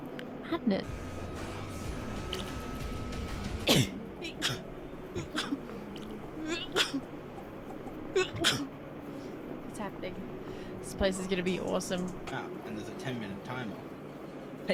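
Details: Girl with rapid twitch-like sneezes, mentioning bad allergies: several quick, small sneezes in a quiet room with faint background sounds; sneezing.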